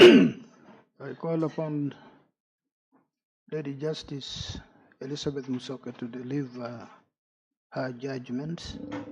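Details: Adult male speaker; normal speech.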